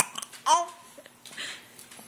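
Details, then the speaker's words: Young boy with hiccups, moving about: short voiced hiccup sounds amid soft babbling and room noise. "Oh, did you have a hiccups? You have the hiccups. No, the hiccups."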